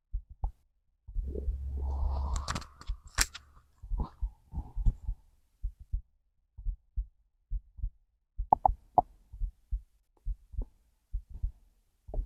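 Long low gurgling rumble from the belly, then soft thumps at roughly 70 beats a minute; hunger growls with heartbeat, normal bowel sounds.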